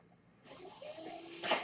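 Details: A quiet pause, then a rising airy hiss with faint whistling tones swelling to a louder gust: the speaker's own mechanical ventilator delivering a breath.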